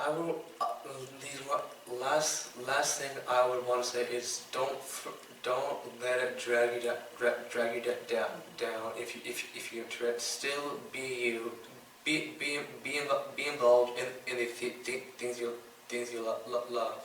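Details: 15-year-old boy with Tourette syndrome diagnosed around age 8–9; his tics include stuttering when talking, coughing and mouth noises; stuttering (speech disfluency) in Tourette syndrome.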